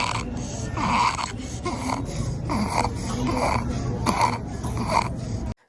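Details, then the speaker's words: Infant breathing rapidly with a squeaky, high-pitched noise on each breath in: inspiratory stridor, described as most often due to laryngomalacia. "குழந்தைங்க மூச்சு விடும்போது இந்த மாதிரி sound கேட்குதுன்னா, most of the time பார்த்தீங்கன்னா, லெரிங்கோமலேஷியாவா இருக்கும்."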